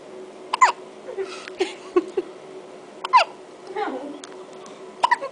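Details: Day-old newborn boy with hiccups: sharp, brief squeaky gulps recurring about every two to three seconds, roughly 24 a minute, with faint soft breathing sounds between them.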